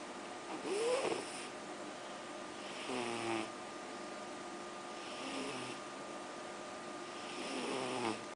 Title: いびき Snoring